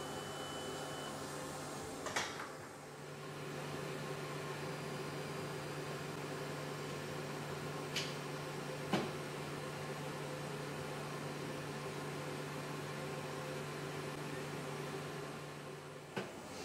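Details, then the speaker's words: DGSHAPE DWX-52DCi dry 5-axis dental milling machine running: steady low hum with occasional sharp mechanical clicks as it changes parts. "the mic could be picking up a lot more noise now because the extraction unit will come on automatically with the beginning of the Machine moving and also the compressor will need to recharge at certain times"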